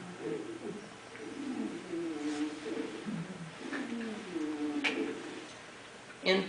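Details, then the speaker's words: Recorded wheezing played during an asthma presentation: high, squeaky, musical tones sliding through the breaths over room noise, a sign of narrowed airways. "And this is what wheezing sounds like. You hear the squeaky in there?"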